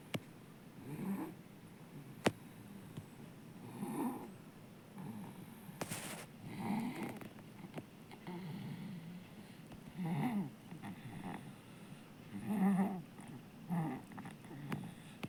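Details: Baby snoring loudly, like an adult, during sleep: regular rough, rattling noises with each breath in, about eight a minute.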